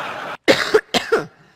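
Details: Adult woman, during a conference speech: two harsh, closely spaced coughs as part of a repeated coughing fit.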